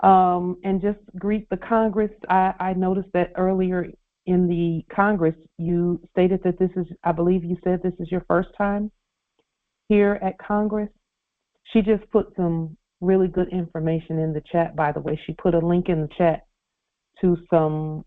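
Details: Adult speaker over a telephone or conference line; normal speech.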